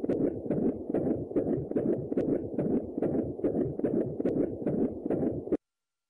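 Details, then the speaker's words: Fetal heartbeat during physiological labour, auscultated right after the peak of a contraction and counted over one minute: rapid, regular whooshing beats at about 140–150 a minute. "вы слушаете и подсчитайте сердцебиение плода в течение 1 минуты"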